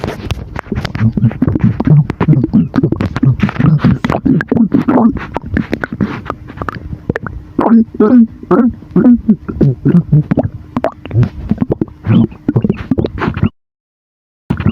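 Continuous low gurgling and bubbling rumbles from the abdomen, air and fluid moving through the stomach: ordinary borborygmi.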